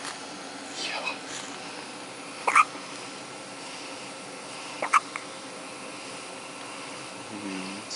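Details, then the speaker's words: Newborn baby's first audible hiccups: soft, abrupt hiccups, two or three a few seconds apart, over quiet room hiss. "girl your uncle's taking video of you hiccup trying to she's trying to communicate by Mor"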